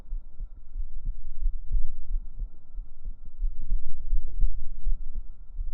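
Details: Real heartbeat recorded up close on the chest with binaural microphones: deep, soft, muffled thumps under a low hum, rhythm not clearly countable; heartbeat.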